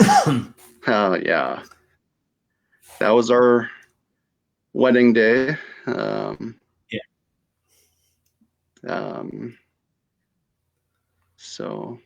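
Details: Adult female stroke survivor with aphasia after her stroke; aphasia after stroke.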